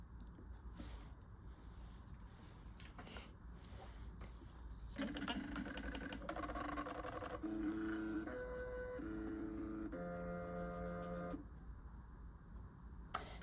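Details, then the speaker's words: Nursing-school IV medication demonstration: soft clicks, then a run of short electronic tones at changing pitches as the infusion pump powers on after its blue on/off button is held for about 3 seconds. "We're going to turn our machine on with the blue onoff button. You'll have to hold it in for about 3 seconds."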